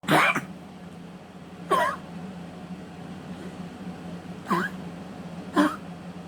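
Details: Dog with congestive heart failure coughing (recorded 8/19/2022): four short, harsh, honking coughs; cough in congestive heart failure.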